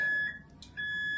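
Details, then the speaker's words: Philips Respironics V60 BiPAP start-up alarm: a high steady electronic tone, a brief pause, then the tone resumes as the machine is switched on before the mask is applied. "And I usually turn on the BiPAP first before putting on the mask, because you don't know what settings is on here."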